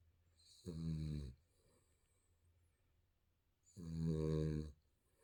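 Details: Sleeping baby snoring: two buzzing snores about three seconds apart, each under a second long, in a quiet room.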